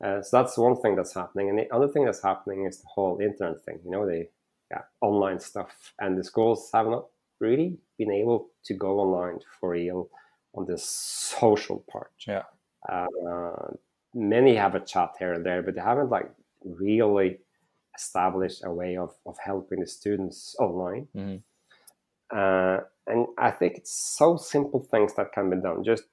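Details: Adult male with real stuttering that he says is audible in this interview, and which was heavy in school when raising his hand in class; stuttering.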